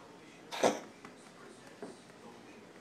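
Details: Pet coughing for the second time, cause unknown to the owner: one sharp, explosive cough-like burst, then two faint, softer catches, in a quiet indoor room; cough.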